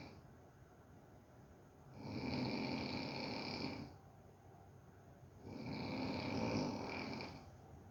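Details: Dog snoring in a quiet room: two long, rasping breaths, about 17 breaths a minute.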